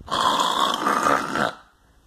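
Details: Man snoring loudly while lying on a toy doll: one loud, rasping snore about a second and a half long with a fluttering throaty rattle, then quiet room air; snoring.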